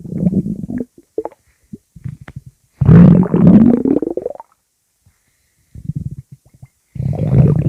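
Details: Low gurgling rumbles in irregular bursts, including a long rising gurgle with pauses; stomach growling (borborygmi).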